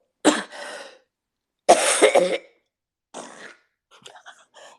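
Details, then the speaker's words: Adult coughing hard with a cold after taking medicine: several hard, harsh coughs separated by pauses, fading to softer ones. "okay never fart when you're coughing this hard"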